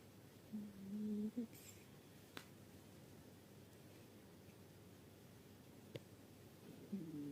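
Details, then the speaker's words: Cat named Michonka snoring while asleep; turn the volume up to hear it. "Не хъркат ли котките? Я увеличете звука, за да чуете по-добре."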